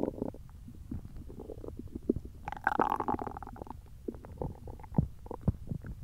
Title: Hungry Belly Noises